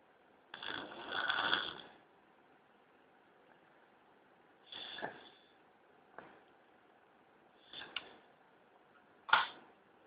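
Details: Snoring in sleep: rough, rattling breathing in uneven bursts, one long snore followed by shorter snorts.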